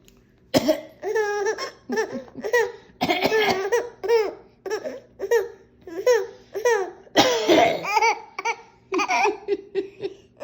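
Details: Child laughs in rapid bursts, breaking into a harsh cough partway through before laughing again: cough during laughter.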